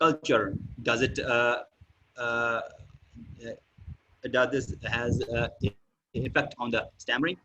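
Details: Adult male speaker; typical speech.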